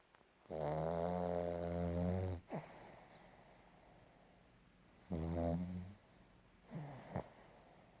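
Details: Dog snoring: loud, low, buzzing snores on the in-breath, about 2 seconds each, with quieter breaths between; ordinary snoring.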